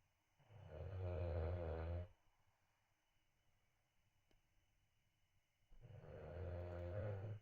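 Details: Puppy bulldog snoring: two long, deep, rattling snores separated by a quiet pause of a few seconds; loud snoring.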